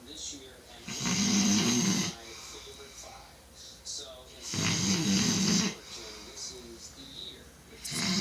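Two long, loud, rattling snores on the in-breath, separated by quieter breathing; heavy snoring.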